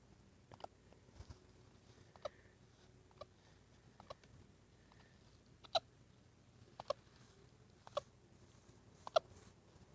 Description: not allowing the hiccups to ruin his playtime. 😊